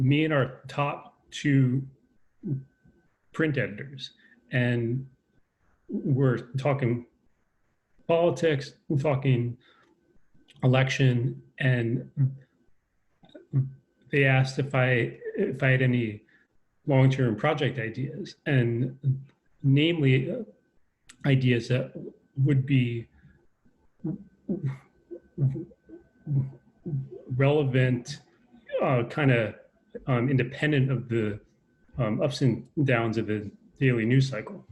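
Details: Adult man with a self-described lifelong stutter, who says he is less fluent over Zoom; stuttering.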